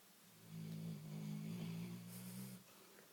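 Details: Big black Labrador dog snoring and dreaming in sleep: a low, steady rumbling sound with soft room noise around it; snoring.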